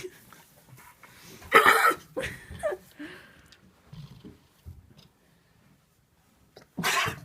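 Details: A sheep in a stable sneezing twice: two sharp, explosive bursts a few seconds apart with faint rustling between; sneeze.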